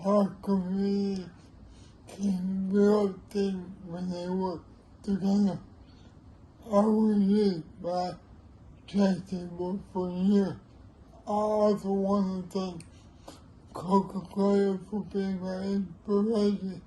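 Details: Older man with cerebral palsy; dysarthria.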